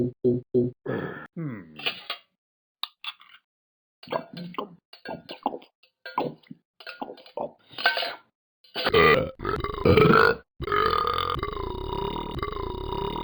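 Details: Repeated loud, low, gurgling voiced belches in quick succession, some long and drawn out: burping.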